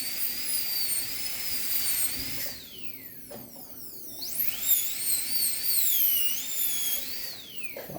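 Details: High-pitched whine of a dental drill, pitch rising and falling as it cuts and slows, during tooth reduction of an anterior tooth for a PFM crown in a demonstration.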